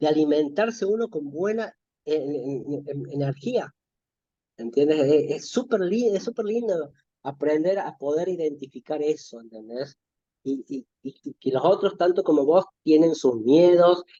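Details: Stuttering in an adult Spanish-speaking man in spontaneous conversation.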